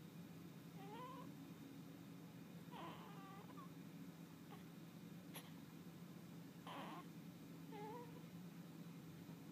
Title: Newborn baby making sleeping sounds